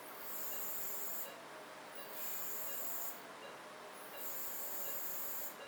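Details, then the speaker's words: Phacoemulsification in a 70-year-old man with pseudoexfoliation and mature cataract, burst longitudinal phaco mode during chop; high-pitched hissing tones switching on and off in repeated bursts over steady noise. "initial small trench is created then shifting to the chop settings and using burst form of longitudinal mode of fake energy"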